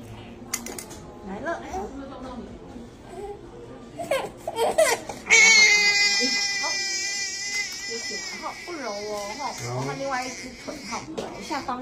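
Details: Newborn after-birth vaccination: adult talk and fussing, then a sudden loud, high, sustained cry with trembling pitch, a pain cry following an intramuscular injection in the hip/leg.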